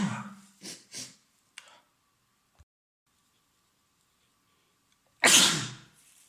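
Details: Adult man with a common cold caught from someone else, congested with a runny nose and sore throat: a few wet sniffs, a quiet pause, then a single loud, forceful sneeze. Sneezing.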